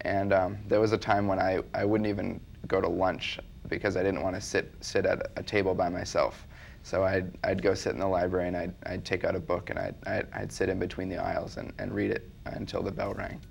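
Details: Child with stuttering, with part-word and whole-word repetitions.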